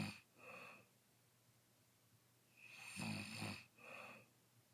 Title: Day 3 snoring